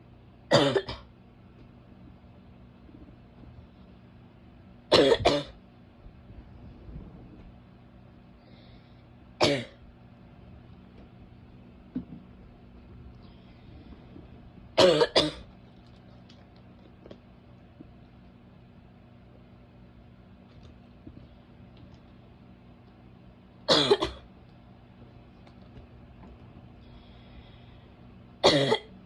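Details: Female: six harsh, abrupt barking coughs, some doubled, spaced several seconds apart over a low steady background hum.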